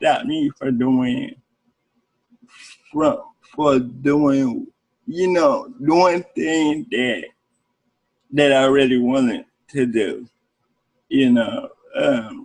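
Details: Adult man with cerebral palsy speaking in an interview; cerebral palsy is noted as able to affect speech. Dysarthria (cerebral palsy).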